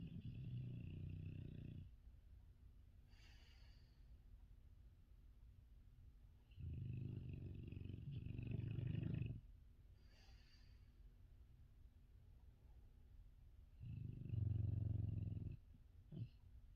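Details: Female dog snoring loudly while asleep right next to the listener's ears: slow, deep, rumbling snores, about three breaths in 17 seconds, with faint room hum between; snoring.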